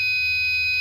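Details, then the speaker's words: Arduino-based student-project IV infusion alarm on real hardware: as the fluid reading reaches 100 and falls toward 82, the red LED lights and the buzzer sounds a steady, unbroken tone, meaning the fluid is nearly empty. "Apakah ya alarm merah menyala dan buzzer menyala terus, bunyi terus?"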